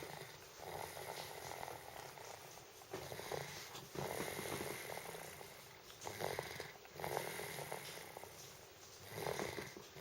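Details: Loud, rough snoring from a sleeping pet cat, about 20 breaths a minute, with steady low room noise.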